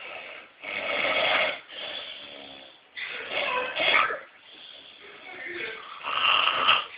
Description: This is how a real man snore